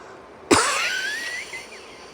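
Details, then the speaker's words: One sharp deliberate cough followed by a thin whistling wheeze trailing off over about a second: a person demonstrating their self-described signature cough, produced on purpose. "Here is my signature cough. And I'll show you how I do it. Let's take a run through first. All right. So, I usually have the wheezing part like this."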